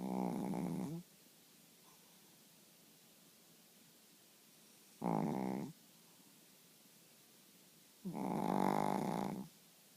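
Loud, buzzy snores from a sleeping animal, three rattling inhalations separated by quiet pauses of several seconds.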